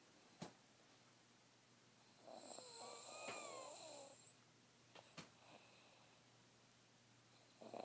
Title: Somebody snoring